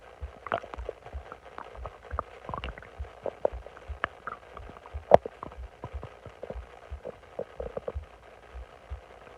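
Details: Person lying on their stomach while bloated during the day: frequent bubbling, squeaking gurgles and rumbles from the belly; active stomach growling (borborygmi) with bloating.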